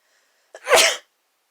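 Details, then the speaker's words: Single loud, explosive sneeze with brief sharp intake before it, occurring during a bout of hiccups and ending them. "was not a hiccup. Okay, the sneeze cured my hiccups."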